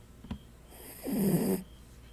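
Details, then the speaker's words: Pet dog snoring in deep sleep: a single low, rough rattling snore with faint room noise. "코를 그렇게 골면 어떡해. 미치겠다."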